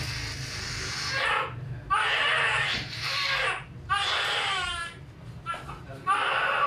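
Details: Repeated loud crying bursts from a newborn girl just after a normal vaginal delivery, the mother's second baby, with background music; a normal newborn cry.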